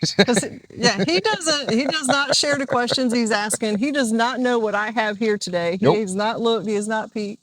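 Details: Adult speaker, likely female; normal speech.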